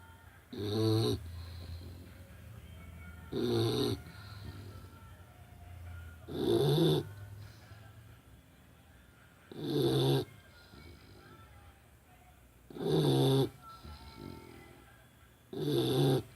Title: Snoring